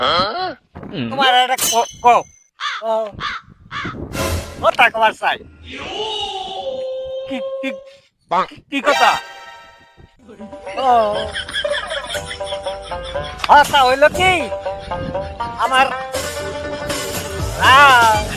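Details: Comedy skit in which actors imitate stuttering with sound and syllable repetitions for comic effect; stuttering (imitated, not real).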